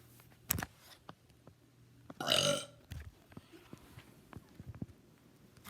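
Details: Person burping deliberately for a burping video: one loud, drawn-out burp in a quiet room, with small clicks and handling noise around it.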